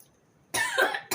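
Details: Cough after eating very spicy catfish in chili sambal: a quiet pause, then a harsh cough burst and the start of a second. A reflex cough.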